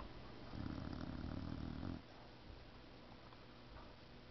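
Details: Boxer dog snoring: one deep, low, vibrating snore lasting about a second and a half, then softer breathing; snoring.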